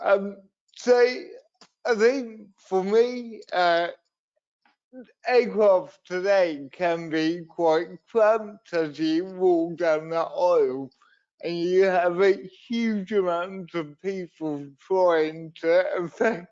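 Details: Adult male wheelchair user with cerebral palsy from a brain injury in an accident at birth, unsteady on his feet: dysarthria (cerebral palsy).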